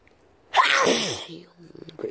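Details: A single loud, forceful sneeze with sharp intake and burst, then a few quiet sounds, from a person who says they are sick and sniffed some powder: sneeze.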